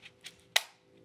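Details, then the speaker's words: Pharmacist demonstrating a Diskus dry powder inhaler: lever slid fully away from the mouthpiece, two faint slides then one sharp plastic click as it locks, dose ready and counter dropping by one. "Desliza la palanca hasta el tope, alejándola de la boquilla, hasta que escuches un clic."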